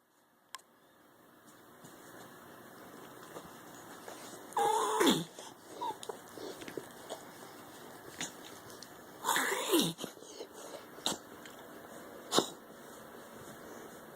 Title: Jasper - reverse sneezing